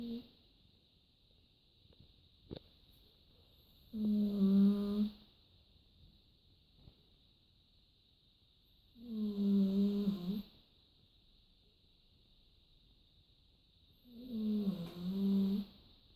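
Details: Snoring in a sleeping dog: three rattling, tonal snores about 5 seconds apart, roughly 12 per minute, with silence between.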